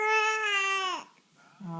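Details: Fussy infant with hiccups, being talked to by dad: a sustained whiny cry of about a second, a short pause, then the start of another fussy cry.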